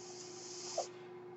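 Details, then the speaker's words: Mechanical ventilator sound from the speaker's own ventilator: a breathy airflow hiss over a steady low hum, then a soft click as the hiss stops, as the ventilator cycles. "That noise you hear is my ventilator."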